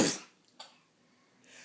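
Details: A young child doing a fake, imitated sneeze: a single short burst of air at the start, then near silence.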